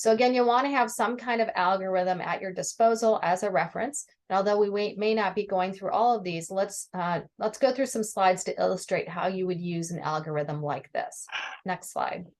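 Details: Adult woman lecturing; ordinary speech.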